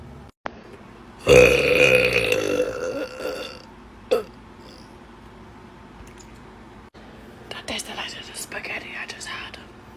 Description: Here’s a compilation of burps and farts for you.